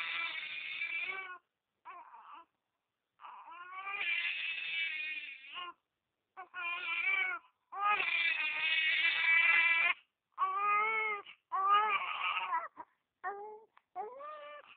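An infant cries in repeated wavering wails with short pauses between them, a typical baby cry.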